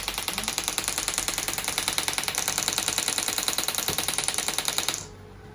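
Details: Fast, steady, hard clacking pulses, about three a second, stopping abruptly: a shockwave therapy device delivering pulses for heel pain at a third session, in a chef whose pain comes on after prolonged standing.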